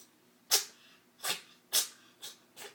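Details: Cat's sneezing fit, aftershock sneezes after about a minute of violent sneezing: five quick, sharp hissing sneezes in under three seconds.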